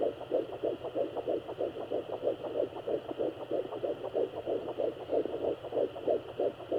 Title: Fetal Heartbeat @ 10 weeks